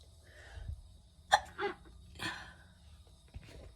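Three short, sharp bursts through nose and mouth, sounding like small sneezes, over faint room hum.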